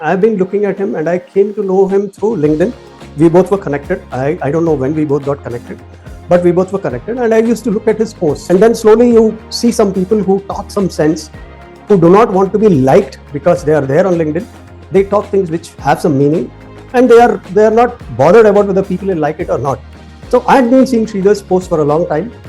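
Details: Adult male speaker; Normal speech.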